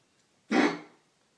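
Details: A single short, harsh cough from a dog with a sore throat being offered tea to soothe it, fading quickly in a quiet room; cough.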